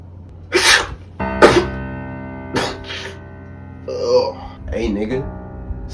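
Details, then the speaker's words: Two or three abrupt explosive sneezes with brief gasps from an adult man who says allergies have been bothering him, over steady background music; repeated sneezing. "hey bless you bro bless you appreciate it bro damn bless you [ __ ] thank you bro these allergies been beating my ass bro I swear"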